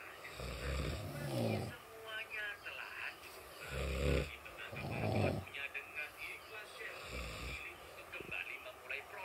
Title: Ngorok vs Ngorok, Mana yang Lebih Nyaring Suaranya